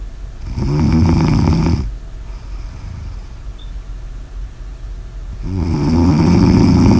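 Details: Two deep, loud, rumbling snores several seconds apart with steady background noise between; heavy adult snoring.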